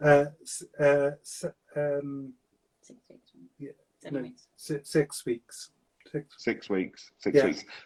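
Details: Adult male stroke survivor with aphasia for seven years since a stroke at age 50, speaking in fragmented, non-fluent speech; non-fluent aphasia.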